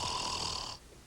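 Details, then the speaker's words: Vocal imitation of snoring by an impressionist in a 1985 TV interview: a single harsh, rattling inhaled snore lasting under a second, then quiet. "What other impressions can you do? I can do snoring."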